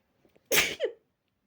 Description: i was practicing my girly sneezes, and as you can see, it worked at first. But soon enough, the trigger was too much for my nose to handle, and I end up with these